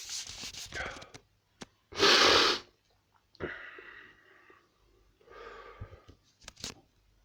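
One loud sneeze among several sharp sniffs and hissy nasal breaths, repeated sneezing and sniffling.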